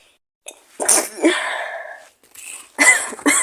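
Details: Acted sneezing by a girl playing someone sick: three sneezes, each with a breathy build-up and sharp burst, the first trailing into a voiced sound.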